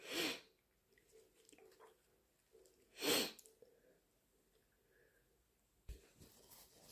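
Two loud, explosive sneezes a few seconds apart, with quiet breathing and sniffing between them; allergic sneezing.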